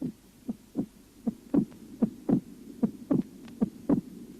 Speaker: на легочной артерии при митральном стенозе выслушивается акцент и расщепление 2 тона